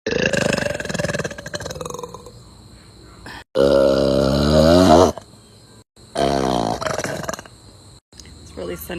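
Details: Adult woman (mom) burping hard, from a compilation: two long, loud, deep voiced belches separated by brief pauses, with quieter talk before them; forceful burping.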